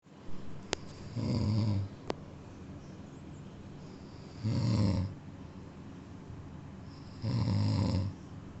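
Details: Sleeping cat snoring: three low, rumbling snores about three seconds apart, with quiet pauses between them.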